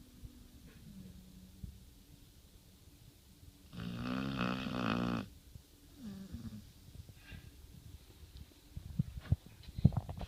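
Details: 112–115 lb pit bull napping in a laundry basket, snoring very loudly.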